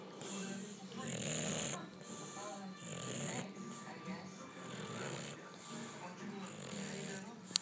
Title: Rocco the Bulldog Snores